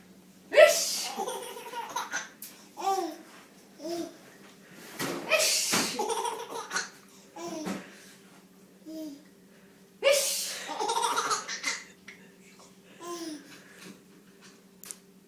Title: Sneezes with nana